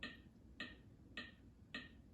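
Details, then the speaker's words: Steady sharp electronic ticks at about 105 a minute from an AED metronome pacing chest compressions and timing rescue breaths during a CPR first-aid demonstration. "It's going to help you keep on pace. It's going to time you once again for those breaths."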